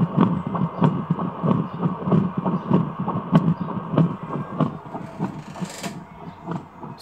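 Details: Handheld WEM fetal Doppler tested after repair by placing the probe over an adult woman's heart: regular whooshing Doppler pulses at about 97 a minute, a clear heartbeat signal.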